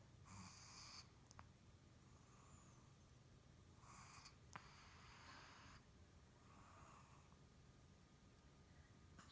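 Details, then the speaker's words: Shih Tzu asleep in her bed at night, tongue out, soft hissing snuffly breaths every couple of seconds over room hum; owner says she usually snores loudly enough to drown out the TV; snoring. "You're snoring. Your tongue's out. And you're snoring."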